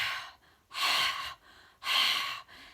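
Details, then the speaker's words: Huff technique (forced expiration) for clearing the lungs after caesarean birth: a deep diaphragmatic breath, then forceful open-mouth breathy exhalations with slight throat constriction. The scar may be supported with a pillow. Clears lung phlegm without coughing. "and try and get a bit of constriction on the back of the throat just kind of huff and visualize different parts of your lungs that you're aiming to clear"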